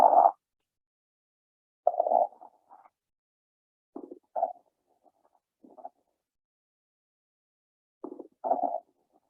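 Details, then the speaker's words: Teaching example of crackles (rales): short, rough crackling bursts with each breath, indicating inflammation or infection of the small bronchi, bronchioles and alveoli with increased lung fluid; crackles may be fine or coarse. "crackles are indicative of inflammation or infection of the small bronchi bronchials and alveoli which can cause increased fluid in the lungs they can be described as either fine or coarse uh"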